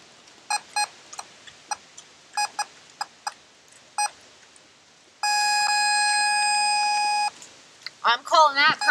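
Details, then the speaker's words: Sow 20 days after artificial insemination checked with a multi-species preg-tone Doppler: scattered beeps then a steady solid tone about two seconds, probe toward front left shoulder, away from bladder; called pregnant. "got a solid Tom the probe is pointing up towards her front left shoulder four bladders back here no way it's picking up on that yep so I'm calling that pregnant"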